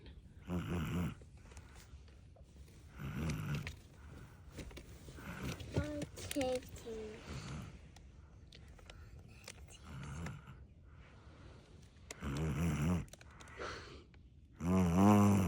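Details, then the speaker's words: Sleeping baby snoring softly and irregularly, breaths every few seconds, quiet room noise between. "Sounds like daddy. He snores like daddy, huh?"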